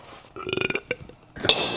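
Two short voiced belches in quick succession, with some room noise: burping.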